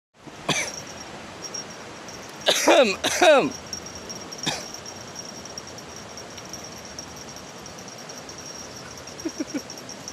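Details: An adult man fishing outdoors gives several sudden, harsh, voiced cough bursts against a steady insect-like hiss.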